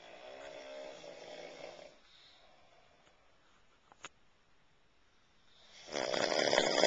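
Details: Night-time snoring from a man in a quiet room: buzzing snores on breathing in, separated by quiet pauses with a faint click; he is urged to sleep on his side.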